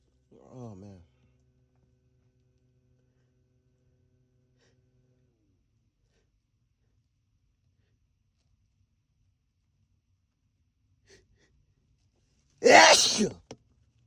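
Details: Brief voiced intake, then after a long quiet pause one loud, explosive sneeze in a small room.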